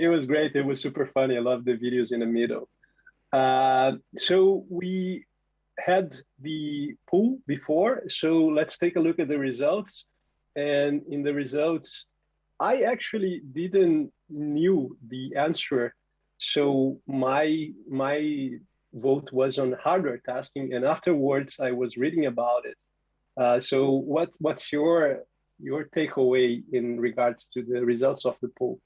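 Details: Adult man speaking; Normal voice.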